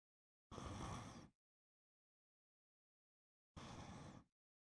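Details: Snoring after taking melatonin, in deep sleep during a stream: two rough, low rumbling breath sounds about three seconds apart, separated by silence.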